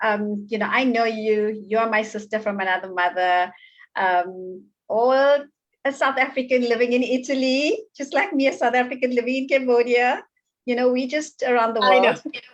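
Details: Adult woman; Normal speech.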